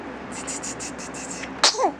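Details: 6-week-old baby girl smiling in a cradle swing: a short, sharp sneeze after a few seconds of quiet, rhythmic background sound, then a brief voiced sound; sneeze.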